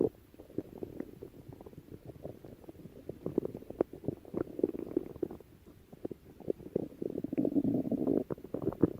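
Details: Stomach growling: irregular gurgling and bubbling rumbles with short pops, building to a longer churning gurgle near the end; borborygmi.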